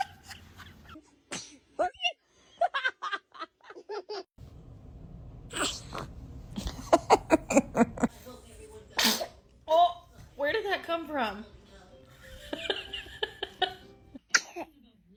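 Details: Baby sneezing: several short, sharp sneezes, one louder near the middle, among laughter and adult voices saying "bless you".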